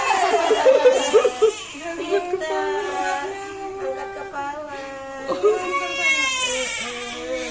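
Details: Three-month-old infant at an immunisation visit crying right after the injection: loud, repeated, strained wails with sobbing breaths.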